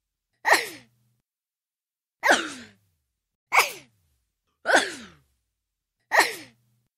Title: Cartoon sneezing sound effect